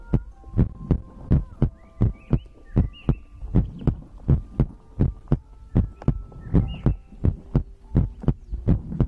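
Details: ASMR heartbeat-and-breathing compilation recording: regular lub-dub heartbeat at about 83 beats a minute with faint tones and room noise in the background; normal heartbeat.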